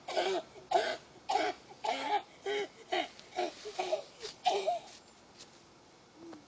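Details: A child named in the source gives a rapid run of about ten short, voiced, honking coughs, then quiet; described as a very weird cough.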